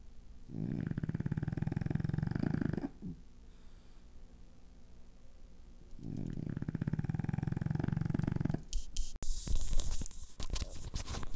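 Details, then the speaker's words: Loud, low, rumbling snores from a sleeping dog, recorded right next to him: two long inhaled bursts separated by a quiet pause; he sometimes snores suddenly twice as loud. "I'm just attached this long like here and I'm gonna throw it next to him he's right there and we're going to listen to this terribly loud annoying snores [Music]"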